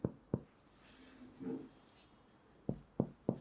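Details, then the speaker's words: Normal resonant percussion note: five short hollow taps on a real patient's chest, right middle finger struck over the intercostal spaces during a respiratory examination, air-filled lung. "normal percussive note is resonant."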